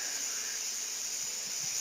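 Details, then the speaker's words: A steady, high-pitched hiss with a faint ringing tone, played as a simulation of hissing-type tinnitus. "Perdón. Ese es un tinnitus."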